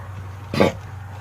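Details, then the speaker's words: Female dog with vet-diagnosed kennel cough: a single deep, harsh cough burst over a steady low room hum. The cough may bring up phlegm or white mucus. "she's got a little bit of cough it's actually kennel cough is what the vet diagnosed it as"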